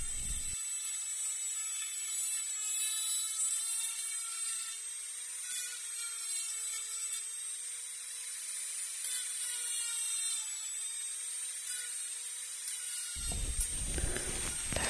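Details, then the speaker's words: Simulated dental cleaning in an ASMR dentist roleplay, cleaning the front teeth: steady high-pitched whine of a dental cleaning instrument running continuously, with faint scraping. "We're going to start with the cleaning. Okay, so please stay still. This won't hurt, so don't worry."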